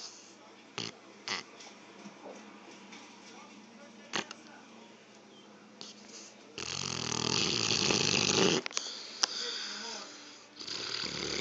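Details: Sleeping dog: scattered soft noises, then one long, loud, rasping snore-like breath; snoring.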